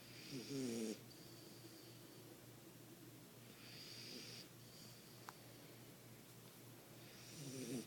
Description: The sweet sound of a snoring Frenchie.